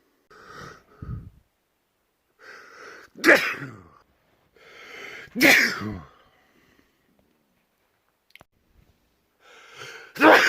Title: World Loudest Sneezes